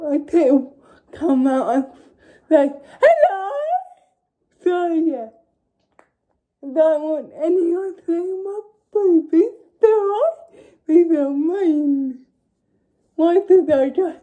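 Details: Dysarthria in a young woman with cerebral palsy.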